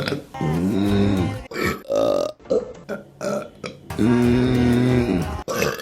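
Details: Deliberate burping compilation: long, loud, drawn-out voiced belches in quick succession, with music and voices around.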